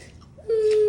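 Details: Young child with special needs reacting to hearing a coughing sound: after a brief quiet moment, breaks into a high, sustained, steady-pitched cry.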